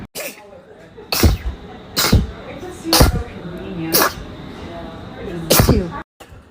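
Six sharp sneezes in quick succession, about one a second, with brief breaths between them: a fit of rapid repeated sneezing.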